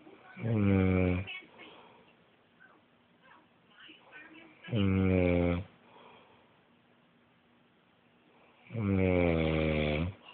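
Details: Man snoring: loud, low, rattling snores on inhalation, three in ten seconds with quiet breathing between; snoring.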